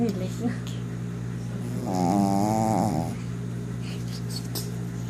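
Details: Single rough, voiced snore lasting about a second during an afternoon nap, over a steady low hum of room noise.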